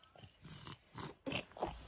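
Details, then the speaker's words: 9-month-old girl with a cold (runny, stuffy nose, coughing) before tongue-tie surgery: snuffly, grunting breaths through a blocked nose, about four noisy breaths; nasal congestion. "she has like a little cold um her nose has been running she has been stopped up and running and um coughing"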